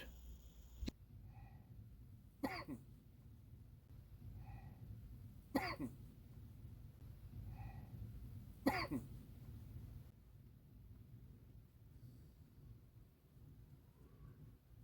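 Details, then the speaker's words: Man outdoors in a cemetery, coughing after feeling as if someone blew in his face: three brief sharp cough bursts a few seconds apart over low background noise; cough. "Here in just a moment, you'll hear me cough. The reason for the cough was it felt like someone blew in my face."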